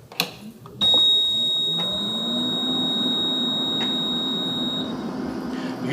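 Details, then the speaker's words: VisionAire 5 stationary oxygen concentrator (5 L/min continuous flow) switched on: switch click, then a steady high-pitched alarm tone for about four seconds over the starting compressor hum; normal start-up alarm. "going to first come on and you're going to hit an alarm it's perfectly normal"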